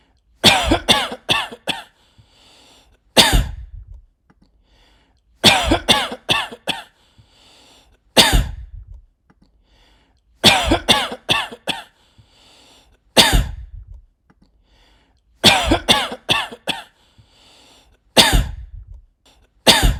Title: Coughing sounds (1 hour)